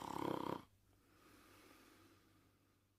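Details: One loud, fluttering snore lasting about half a second, followed by quiet with faint room hum; snoring during sleep.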